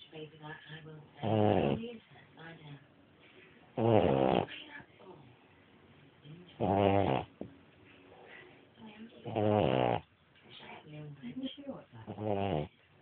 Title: snoring